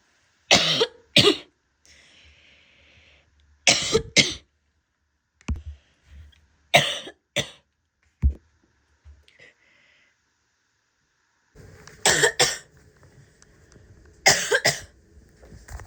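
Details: An adult woman gives repeated harsh, barking coughs, mostly in pairs, separated by quiet pauses.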